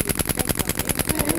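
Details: DolorClast radial shockwave therapy for Achilles tendinopathy, probe over a palpable tendon lump with the ankle held dorsiflexed: rapid, regular sharp clacking pulses, about eight a second, from the radial shockwave device firing.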